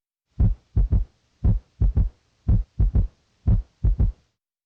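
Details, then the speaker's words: S3 gallop heard with the stethoscope bell early in diastole: low, dull triplet heart sounds at about 57 beats a minute, like distant thunder; in an adult it may signal heart failure. "S3 is a dull soft sound like distant thunder. In an adult, it may signal heart failure. Now listen for S3, which sounds like a galloping"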